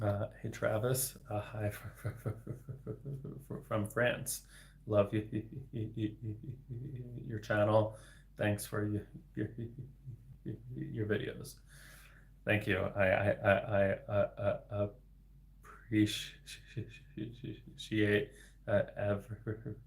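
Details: Adult man, a speech-language pathologist, with lifelong persistent stuttering for 26 years, beginning at age eight; his stutter involves repetitions and blocks and varies in severity; stuttering.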